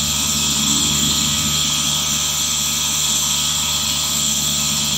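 A steady, unbroken mechanical hum with a strong airy hiss on top and no pauses: a nebulizer compressor running continuously.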